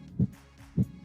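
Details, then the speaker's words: Normal heart sounds auscultated with a stethoscope at the aortic area (second intercostal space, sternal border) on a virtual reality nursing simulation patient without chest pain; simulated normal heart sounds at the aortic area. "so this is called the aortic area right because this is the best way to listen to the aortic valve"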